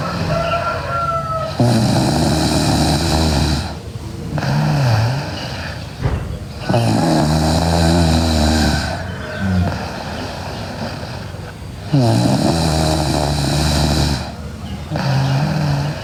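Loud, continuous, rattling snoring at about 12 breaths a minute, noisy on both breathing in and out.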